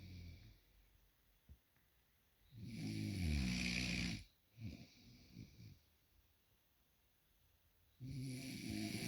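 Two loud, rattling snores on breathing in, separated by quiet breathing and a softer breath out.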